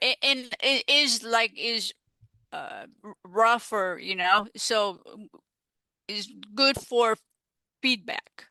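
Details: Female stroke survivor with aphasia after stroke, speaking in an interview; aphasia.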